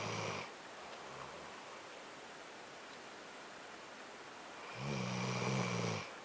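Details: Dog snoring in the owner's bed in the morning: a low, fluttering snore on the breath in, with a long quiet stretch between two snores, in a small room.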